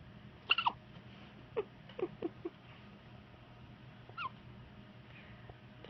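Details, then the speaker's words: Infant hiccups: a run of small, sharp hic sounds in quick succession, then a pause and one more, over quiet room noise. "got the hiccups, everybody."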